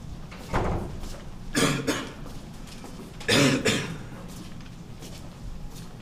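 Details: Acted coughing in an art film about a cougher: an adult gives a few forceful coughs in separate bursts, with room noise around them.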